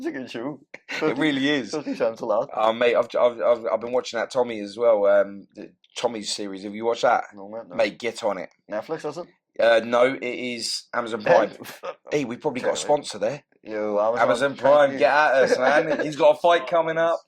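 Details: Adult man speaking; plain speech.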